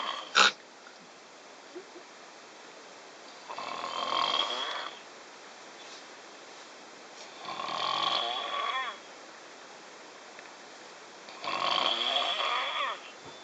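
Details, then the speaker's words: Three loud, rough snores at regular intervals, about 15 a minute, with quiet breathing between and a brief click at the start, from a person sleeping on a train in 2011: snoring. "Snoring on the Vodka Train, Part 1."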